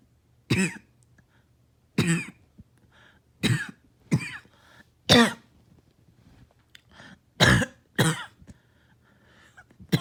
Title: More night coughing and barking